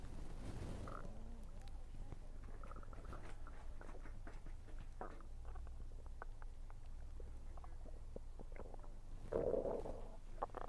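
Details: Low gurgling and rumbling stomach noises with soft chewing sounds while eating, frequent that day, attributed to low air pressure; ordinary bowel sounds.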